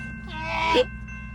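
A drawn-in, rising gasp over a steady train horn, acted in a TV comedy scene as a build-up to a sneeze.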